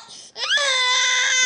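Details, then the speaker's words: Sudden, rising infant cry settling into a sustained high-pitched wail, the baby crying when scared by a funny sound made by his mother; infant crying. "okay now we're gonna see Mom make him cry wait hold on D you don't know why he doesn't like"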